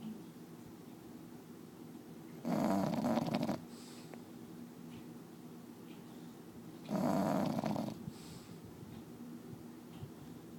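Two harsh, fluttering snores about four seconds apart, with steady quiet breathing between them; snoring.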